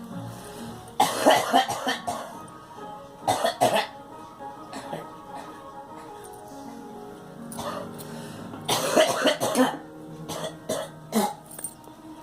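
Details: Cough in a girl: several short bouts of harsh, repeated coughs over steady background music, while someone urges her to let it out.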